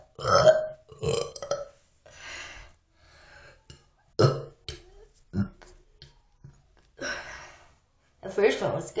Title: Burps every where part 2